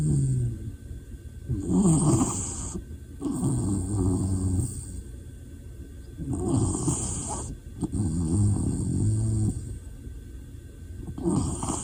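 Loud, rough, rattling snores in a slow cycle of about 13 a minute, with a faint steady tone in the background.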